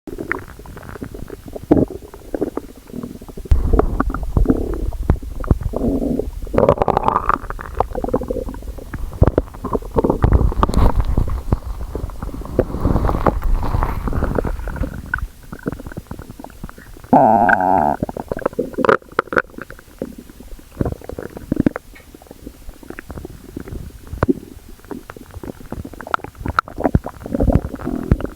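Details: Girl's stomach growling: loud, gurgling, rumbling bowel sounds in irregular bursts with brief squeaky tones.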